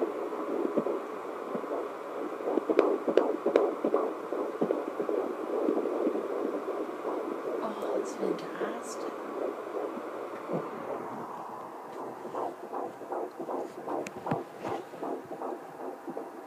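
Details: Twin pregnancy at 14 weeks 6 days: rapid whooshing fetal heartbeats on Doppler, about 155-160 a minute, with both (maybe all three) heartbeats heard at the same time.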